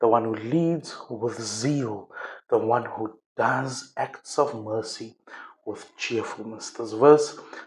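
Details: Dysarthria in a male preacher with cerebral palsy, preaching to an audience; he says people can't understand his talking and mentions his shaky body.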